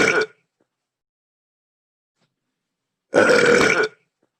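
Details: Two loud, drawn-out burps from video game characters (CPU Miis), the second lasting nearly a second, with silence between; game sound effects, not a real person.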